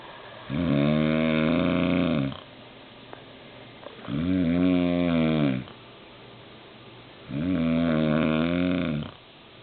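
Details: Adult man (dad) snoring heavily while mom tries to sleep: loud, droning snores with each breath, about 18 a minute, separated by quiet exhalations.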